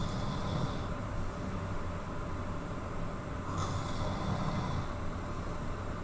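Loud, continuous rough rumbling over steady noise, rising and falling with breaths; heavy snoring.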